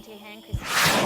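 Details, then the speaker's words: Laboured breathing in a 15-year-old boy during a severe, life-threatening allergic asthma attack treated by a medical team: a faint whistling tone then a loud, harsh, hissing breath drawn with effort through narrowed airways. "this is a really lifethreatening episode of asthma"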